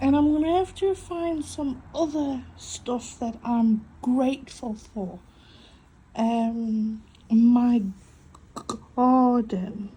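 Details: Adult woman with a stutter mainly on vowel-initial and W words, coping with breathing techniques; stuttering.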